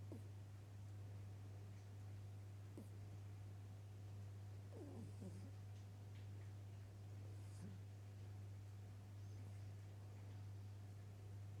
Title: My Cat Dreaming And Making Noises In Her Sleep ♥️